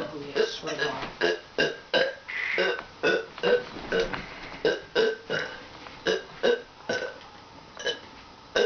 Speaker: yeah uh hey yeah I'm back more burps starting now